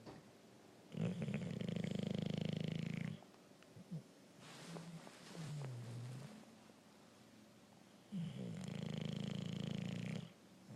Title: Hank the bulldog snoring.